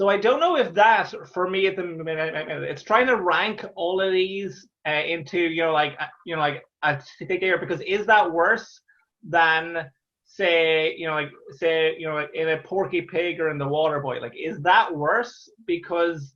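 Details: Real stammer in an adult Irish male stand-up comedian who has stammered through his comedy career since 2010, speaking conversationally; stuttering (stammering).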